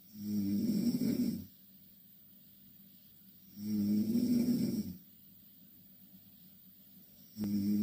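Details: Loud snoring from two Korean girls sleeping in the same bed: rattling snores on each in-breath, about one every three to four seconds, separated by quiet pauses.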